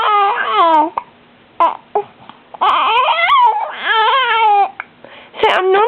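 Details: An infant boy, who gets hiccups several times a day and often cries from them around 10 pm, cries in rising and falling bursts with short pauses, upset during hiccups.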